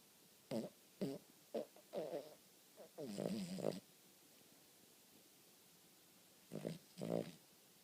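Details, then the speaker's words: A sleeping Cavalier King Charles Spaniel snoring: short, rattling snorts in uneven bursts, a pause, then two more. "Daphs, wakey wakey. You're snoring."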